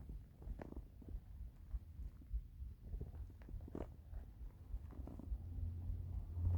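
Low, soft rumbles and gurgles from an empty, hungry stomach; normal bowel sounds.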